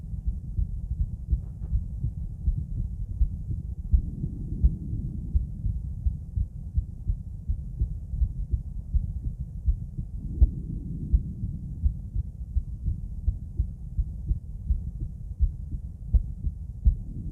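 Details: Female heart auscultated with different stethoscopes at Erb's point, then mitral, tricuspid, aortic and pulmonic sites: regular, low heart sounds at about 83 per minute over several chest areas; normal heart sounds.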